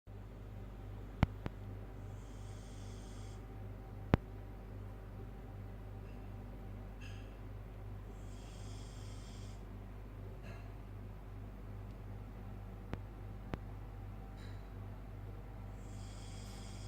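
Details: Siberian Husky dog snoring during sleep: low, soft snoring breaths every few seconds, roughly 20 a minute, with a few faint clicks against steady room hum.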